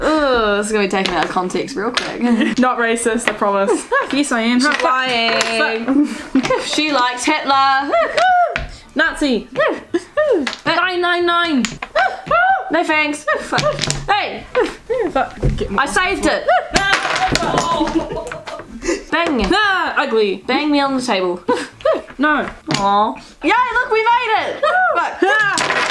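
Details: Tourette syndrome vocal tics, including repeated tic phrases with coprolalia.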